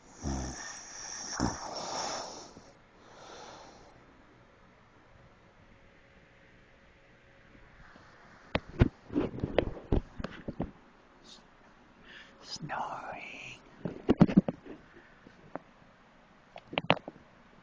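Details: Occasional, not usually loud snoring: soft, rough breathing noises mixed with short snorts and scattered clicks over about eighteen seconds.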